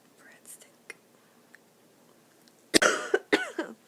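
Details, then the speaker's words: Adult recovering from a second chest infection this year, coughing into the arm beside pet rats: a dreadful cough. "As for me, I'm still recovering from my second chest infection this year. Oh, I have a dreadful cough."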